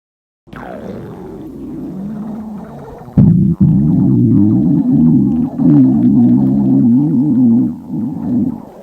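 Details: Loud, drawn-out gurgling rumbles with a wavering low pitch from a girl who got hungry during class in the library; hungry stomach growling.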